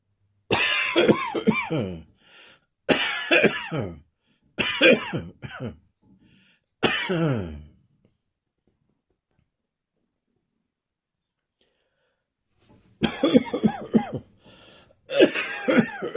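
Six voiced, gravelly cough and throat-clearing bursts with a thick, phlegmy quality, fitting a wet cough.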